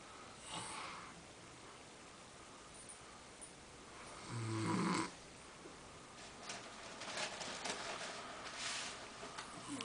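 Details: A single low, rattling snore on an in-breath against quiet room noise, with fainter breathing and rustling around it; snoring from an unidentified sleeper.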